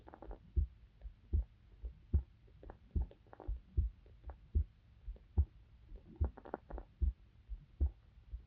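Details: Heartbeat of a young adult female university student, recorded close up for a sleep-aid ASMR video: soft, regular low lub-dub thumps at about 74 beats a minute; an ordinary heartbeat.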